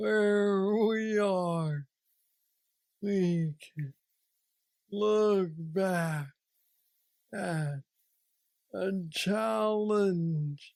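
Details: 46-year-old man with Parkinson's disease diagnosed at 35, about 11 years ago, which he describes as the most aggressive form, with mobility struggles and a deep brain neurostimulator implant; real patient; Parkinsonian speech (hypokinetic dysarthria).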